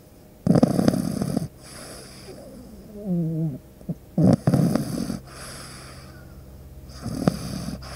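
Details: Pug puppy snoring during deep sleep: loud rattling snores recur every few seconds with a brief whistling squeak between breaths, ordinary snoring in a small flat-faced dog.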